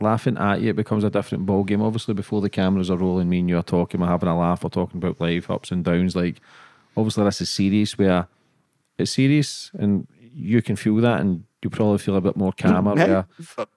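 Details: Adult male speaker; typical speech.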